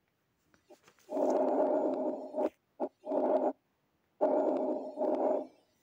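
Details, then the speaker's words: Teaching example, lung auscultation: soft rustling breath like air through tree leaves, longer inspiration running straight into a short expiration with no gap; normal vesicular breath sound. "وهتلاقي ان صوت سوفت جدا وعامل زي صوت كده لما الهوا يعدي في ورق الشجر صوت مش باين"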